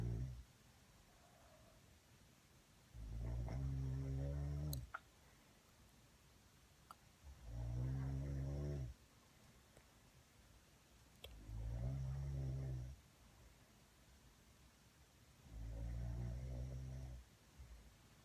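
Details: Loud, deep, rattling snores about every four to five seconds, roughly 15 per minute, with quiet pauses between: snoring.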